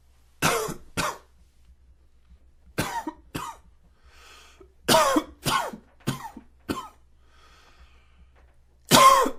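About ten short harsh coughs, mostly in pairs and small clusters, in a quiet room; a hacking morning cough.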